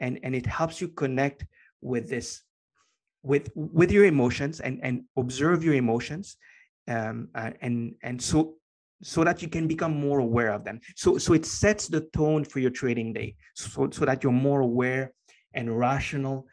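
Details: Adult man with a lifelong stutter he has had as long as he can remember; after many years of meditation practice he has more control over it and says it is now barely audible; stuttering.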